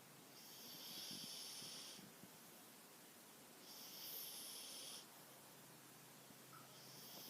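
Soft, hissy, rhythmic snoring breaths about 19 a minute, sounding through the nose and throat, over steady room noise.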